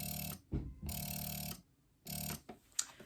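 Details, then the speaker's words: Spectra electric breast pump running in massage and expression mode: quiet motor whirs in short rhythmic cycles with pauses between; described as quieter than the Ameda Mya. "so i actually thought this one wasn't very loud but this one is a lot quieter you can actually just hear it when i turn it on"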